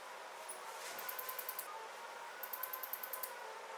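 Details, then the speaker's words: Phacoemulsification of a relatively soft nucleus, using a direct vertical chop, in a 65-year-old woman with phacomorphic glaucoma who presented with pressure of 60: faint steady hiss with two runs of short rapid handpiece ticks as fragments are emulsified. "Just go in and bury the phaco tip into the substance of the nucleus, do a direct vertical chop and then subsequently divide into smaller fragments and then emulsify each of them in a very controlled manner."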